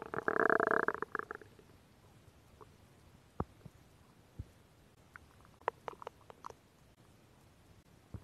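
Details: Stomach growling from a woman, recorded for ASMR: a loud gurgling rumble, then scattered small pops and bubbling clicks; normal borborygmi.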